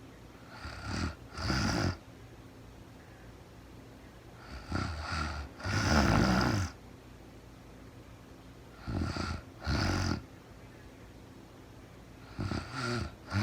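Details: Woman snoring during real-time overnight sleep, recorded as sleep-aid white noise; rhythmic snoring of about four breath cycles, each a brief snort then a longer rattling snore, with quiet pauses between breaths.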